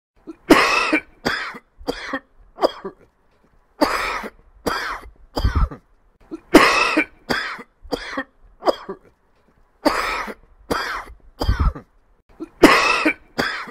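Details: Repeated bouts of short, harsh, dry irritative coughs from an adult, three to five coughs per bout; recorded as a cough sound effect.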